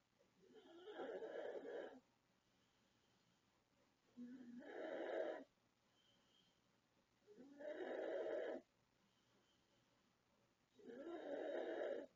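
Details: Very loud snoring from a 36-year-old woman: four rough, rattling snores on inhalation at about 18 per minute, separated by quiet pauses.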